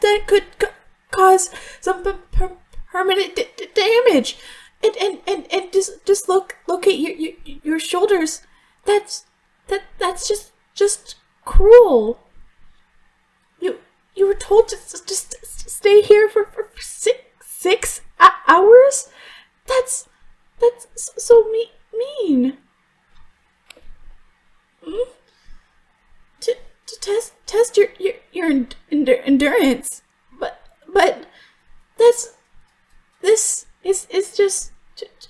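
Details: Stuttering performed by a female voice actress playing a character who stutters; she stutters in real life, says it worsens under stress, and some of the blocked words are genuine.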